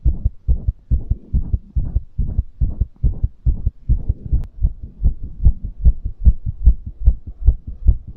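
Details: Fast heartbeat after exercise, quick steady thumping at about 145 a minute, a normal fast rate after exertion.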